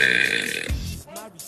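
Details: Female giving a single loud, low, rumbling belch over background music; burping.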